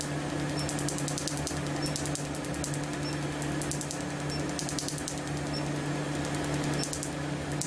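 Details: Bursts of rapid high snapping pulses over a steady machine hum: a tattoo-removal laser firing.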